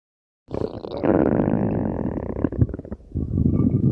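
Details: Stomach growl: a long, low, gurgling growl that rises and falls over several seconds; ordinary borborygmi from gas and fluid moving through the gut.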